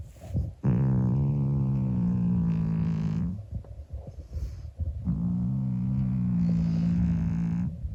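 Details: Monkey, a 25-year-old calico cat, sleeping: long, loud, buzzing snores in a steady rhythm with short pauses between breaths; snoring.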